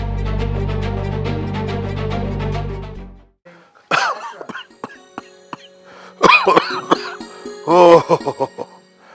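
An older man gives several harsh, acted coughs and throat clears after a passage of music.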